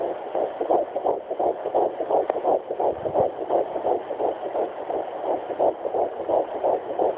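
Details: Twins at 10 weeks 3 days on a Sonoline B fetal Doppler, found near the pelvic bone: rapid, regular whooshing pulses near 170 a minute; normal fetal heartbeat.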